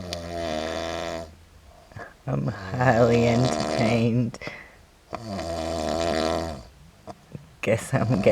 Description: My drunken hubby can snore and hiccup at the same time. Here's a clip I took of him after a big day & night out drinking.